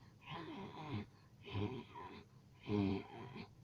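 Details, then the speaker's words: Three noisy breaths, each with a musical whistling, rough snore-like wheeze, demonstrating the noisy breathing with breathlessness heard in asthma. "Jadi napasnya itu terdengar dengkur tapi tidak seperti dengkur. Dia bernapas tapi terasa sesak kali, seperti itu."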